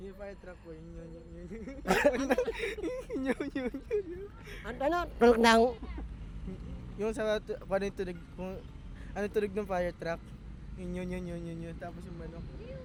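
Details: Filipino show host described as ngongo (nasal-speaking), asking a question in Tagalog during an outdoor interview game; hypernasal speech.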